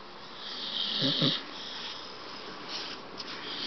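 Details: Staffordshire Bull Terrier, wide awake, making harsh, rattling snore-like breaths through nose and throat with hissy airflow: noisy upper-airway breathing, snoring while awake.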